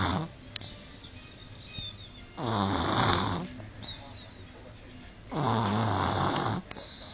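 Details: Snoring in a sleeping 18-month-old baby: two loud rattling snores on inspiration, about 20 per minute, with quieter expiration between.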